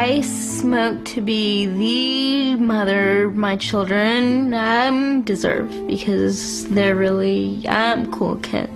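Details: Adult woman with congenital cerebral palsy affecting motor functions, with right-sided weakness and pain, producing a severe stutter as a result; stuttering.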